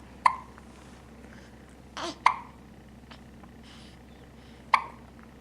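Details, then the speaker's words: Infant about 3 weeks old with hiccups during tummy time: three sharp, brief hiccups at irregular intervals over about five seconds in a quiet room. "Yeah, are we doing some tummy time? And also having the hiccups? Are you almost 3 weeks old?"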